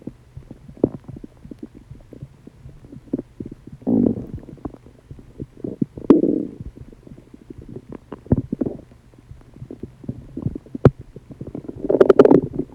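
Gurgling, rumbling stomach noises in several bursts over quiet background; ordinary loud digestive sounds (borborygmi).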